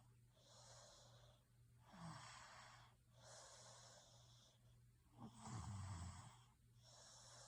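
Quiet, steady breathing during sleep with two low rattling snores about 3.5 seconds apart, over a faint steady hum.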